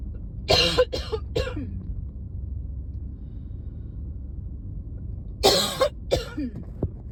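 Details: A burst of three harsh coughs, then two more seconds later, over low room noise, from a person who is not sick but gets allergy-related chest tightness when it first turns cold in fall; dry allergic cough.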